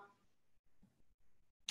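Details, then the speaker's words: Quiet room with faint low rustling, then a single sharp click as the knee bends during a side-lying mat Pilates leg lift: knee popping (joint crepitus). "exhale how's my knee popping if you could hear that"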